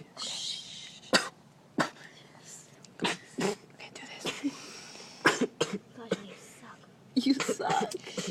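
Several short, sharp coughs made on request, mixed with talking and household noise in a small room; a deliberate, produced cough.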